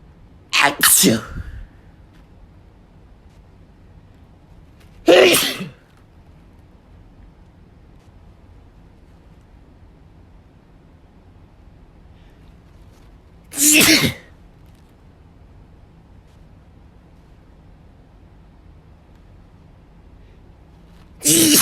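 Four loud, sharp sneezes spaced several seconds apart in a quiet room; the first comes as a quick double burst.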